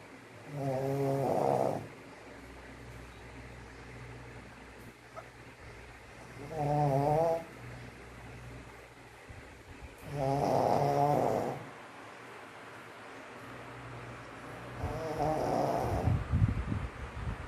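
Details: Loud, regular rattling snores, about one every four to five seconds, from Max, a sleeping pug dog.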